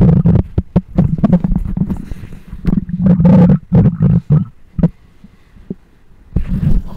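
Loud gurgling, rumbling and bubbling bursts from the belly, with quieter pauses between them. These are ordinary bowel sounds.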